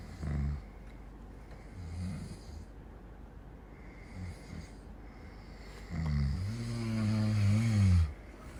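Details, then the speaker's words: Man snoring while asleep at night in his room: low rumbling snores with each breath, the last one long and loud, over steady room hum. "अभी तुम लोग को सबसे मज़े वाला सीन देखो, रात को सोते हुए खराटे मारते हैं, देखो इसको।"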